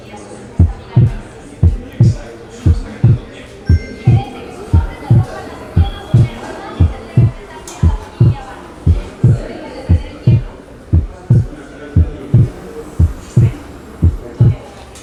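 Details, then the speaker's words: Regular heart sounds about 58/min with a wide fixed split second sound of atrial septal defect; faint background sound. "Así que incluso durante la inspiración existe cierto desdoblamiento del segundo sonido debido a un retraso del segundo ruido pulmonar."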